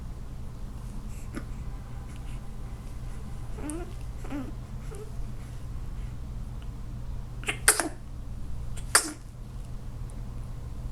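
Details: Three-week-old young animal sneezing: two short, sharp sneezes against a steady low room hum, with faint snuffling sounds earlier.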